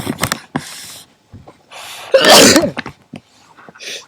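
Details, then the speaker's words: Repeated wet nasal sniffs and snorting breaths through a blocked nose from a sick man with a cold, runny nose and nasal congestion; sniffling with nasal congestion. "just sniffled and then I excreted my snot off the side"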